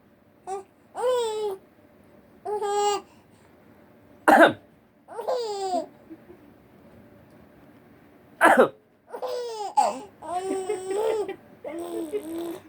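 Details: Baby girl laughing at her dad while coughing: giggles and happy squeals interrupted by two short, sharp coughs in a quiet room.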